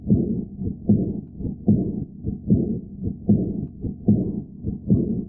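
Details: Simulated heart sounds, about 76 beats a minute, with soft blowing diastolic murmur after the second sound: aortic regurgitation.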